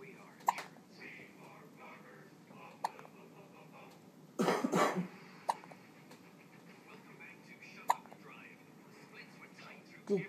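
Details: Newborn baby hiccups: small sharp hiccups about every two to three seconds, roughly 25 a minute, with soft adult talk in the room.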